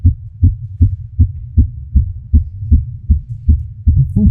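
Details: Strong, regular low thumps at roughly 155 beats a minute recorded with a very sensitive microphone on a girl; fast heartbeat that accelerates then calms a little, volume increased.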